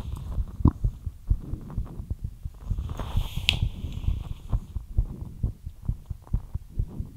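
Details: ASMR recording of a fast heartbeat after light exercise.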